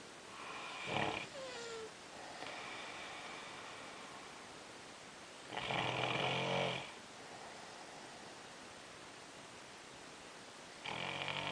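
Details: Snoring at 3am during sleep, described as sleep apnea: loud, rattling breaths recurring every few seconds over quiet room hiss.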